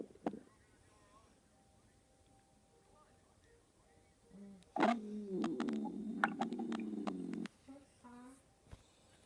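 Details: Pet's stomach growling: quiet gurgles building into a loud, drawn-out, bubbling rumble; ordinary gut sounds (borborygmi).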